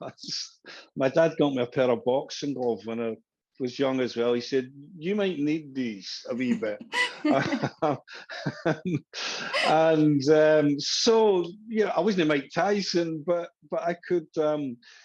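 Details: Adult man who stammered as a younger boy, with the stammer said to still be heard at times; stuttering.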